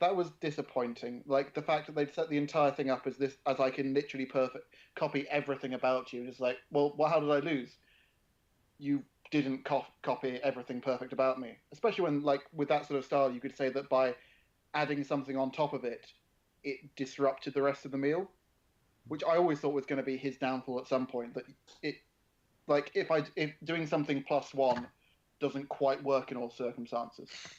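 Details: Adult man speaking; normal conversational speech.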